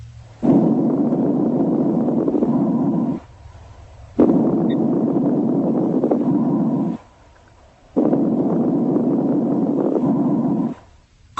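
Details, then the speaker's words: Lung auscultation, breaths about 16 a minute with soft, high-pitched, very brief intermittent non-musical crackling pops; fine crackles. "crackles are intermittent non-musical and brief like dots in time fine chronicles are soft high pitched and very brief and often accompany congestive heart failure"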